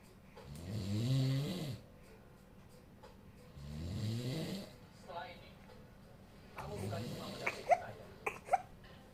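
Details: A father's loud snoring frightens a baby. Two loud, rumbling snores, then the baby's frightened whimper and cry at the end: adult snoring.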